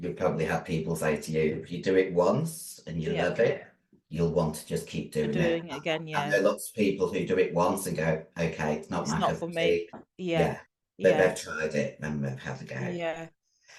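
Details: 56-year-old female bodybuilder with androgen-induced voice deepening (virilized voice) after large doses of anabolic/male steroids. Her formerly high-pitched voice is now very deep and she can no longer sing. She also has past liver damage.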